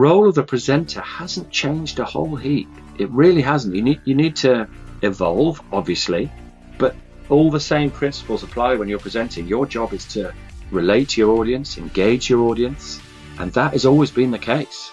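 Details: Adult male speaker; normal speech.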